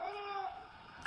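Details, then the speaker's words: Child with croup: brief, harsh, honking metallic barking cough, with inspiratory stridor heard before it. "Y ahí el estridor es mucho más evidente. Y tiene esta tos con una característica metálica, una tos perruna, ¿no?"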